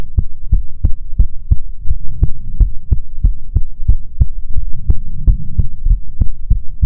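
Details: Steady, strong thumping, about 85 beats a minute, over a low hum, in an ASMR heartbeat recording meant to be soothing; normal heartbeat.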